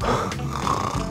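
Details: Obstructive sleep apnea: low, rough, labored snoring with faint background music, from heavy snoring in which breathing stops and the sleeper gasps and briefly wakes.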